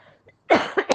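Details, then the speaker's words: Adult woman with a cough and cold, recently unwell with vomiting: two to three quick, loud cough bursts in a small room; cough. "संगत जी, मेरी आवाज़ ठीक नहीं है क्योंकि मुझे खांसी सर्दी भी संगत जी।"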